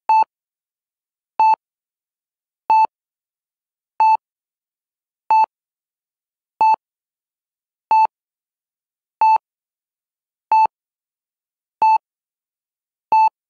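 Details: Simulated heart monitor (EKG) sound effect: steady electronic beeps at about 46 a minute, tracking a regular pulse.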